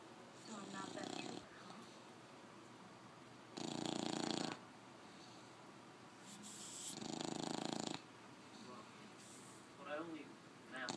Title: bulldog snoring loudly